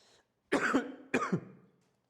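Two short, harsh cough bursts about half a second apart, each fading out, in a quiet room: an ordinary adult cough.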